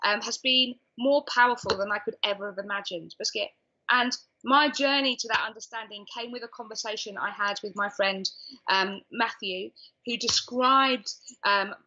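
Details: Adult woman diagnosed with Tourette's syndrome at age 20, with involuntary vocal tics such as repeated 'biscuit', 'hedgehog' and 'cat' interrupting her speech; Tourette syndrome (vocal tics).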